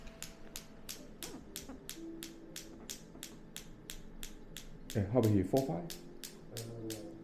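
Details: Focused (not radial) shockwave therapy on a patient's low back at a chiropractic clinic: rapid sharp clicks at about 210 a minute with brief talk; shockwave device firing.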